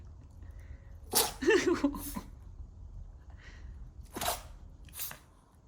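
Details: Maltese dog sneezing during seasonal change, itchy nose: a quick run of sharp, snorting sneezes, several bursts within a few seconds, over quiet room noise.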